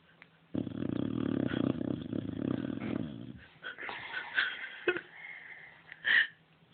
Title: Adorable snoring boxer